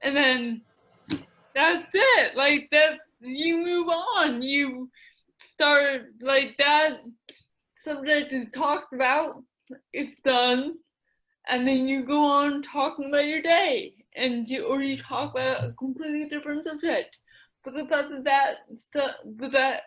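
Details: Dysarthria in an adult woman with mild cerebral palsy affecting her speech, the right side of her face and the right side of her body; she describes a speech impediment.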